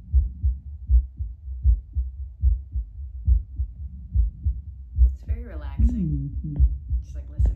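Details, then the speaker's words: Adult's own heartbeat via Littmann CORE Bluetooth digital stethoscope, minutes after espresso: steady, strong beats about 75 a minute, felt as stronger, rate barely changed, a brief voice-like tone late on; normal heart sounds. "Sounds like my heart's just beating a little bit stronger."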